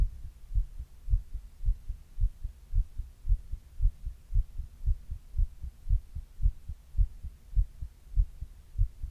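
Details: Steady, regular, low thumping heartbeat at about 110 beats a minute with a faint background hum, the recorder's own heart recorded while reading a book; normal heart sounds.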